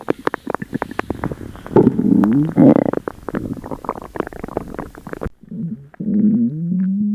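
Loud gurgling, bubbling and groaning gut noises in irregular runs; stomach rumbling from an upset stomach.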